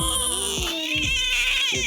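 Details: Short bursts of high-pitched fussing cry with brief catches from a baby girl at her first chiropractic adjustment, during tummy pulling.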